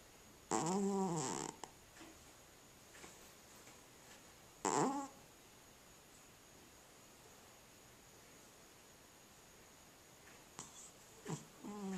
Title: Cat Snoring